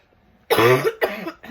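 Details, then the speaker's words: Adult woman not yet fully recovered from an illness the week before, coughing brought on by talking: two close, loud, harsh cough bursts in a quiet room; an ordinary irritative cough. "See, I haven't been coughing that much, but now I know talking is going to do it to me. Okay, so please forgive any coughing, any sniffing, any sweatiness."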